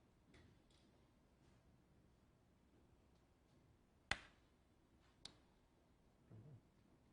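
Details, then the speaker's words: Single sharp click of a transcranial magnetic stimulation pulse over the head in a quiet room, hand in hitchhiker's position, used to find the thumb motor area by a strong involuntary thumb twitch before depression treatment. "see yeah could you all see that dance thumb mve do one more time you you didn't do it on purpose you couldn't you didn't okay yeah that's that's a strong do so we go down a little bit it's a strong so it's an involuntary movement that shows that the electromagnetic waves are penetrating through the skull to the brain i"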